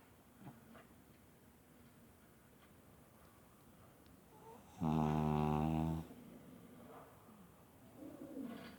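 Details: Snoring: one brief, buzzing, rattling snore on an in-breath, heard in a quiet room.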